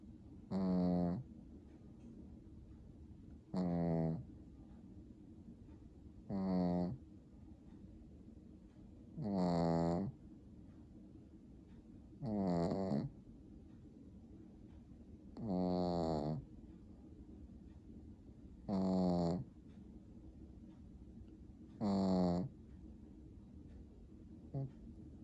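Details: Regular, loud, rattling snores, about 20 per minute, from a sleeping Pekingese dog, a flat-faced breed that snores habitually.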